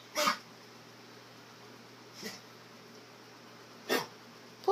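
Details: Dog coughing upon waking, three short separate coughs in a quiet room with another starting at the end; afterwards not coughing and playing normally, and not coughing at night.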